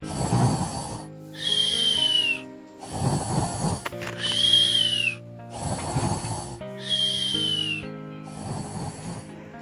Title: German Shepherd Puppy Sleeping & Snoring | #germanshepherd